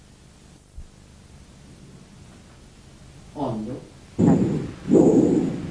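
After a quiet stretch, soft blowing breath sounds with inhalation and exhalation of similar length: normal bronchovesicular breathing.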